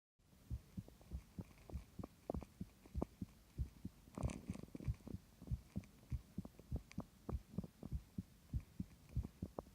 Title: 弱々しい？心音 my weak heartbeat sound